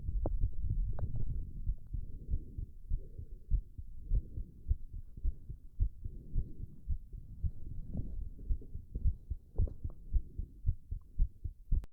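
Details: Fast, thumping heartbeat around 110 a minute with heavy breathing noise, from a male doing a plank; a racing heart, or tachycardia, during exertion.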